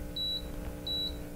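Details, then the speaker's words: Automatic digital home blood pressure cuff beeping twice over a low motor hum as it inflates, measuring a doctor's own blood pressure and pulse in a home-monitoring demonstration. "you hear the beeping noise that's also taking my pulse"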